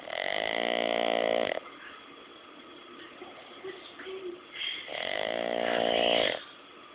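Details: Boston Terrier (short-nosed dog) snoring very loudly while asleep: loud, buzzing, rattly breath sounds on two long breaths, with quieter noisy breathing between.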